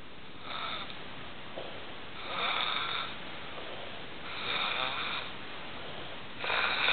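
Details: Man snoring loudly while sleeping overnight: repeated harsh, fluttering snores with in-breaths roughly every two seconds.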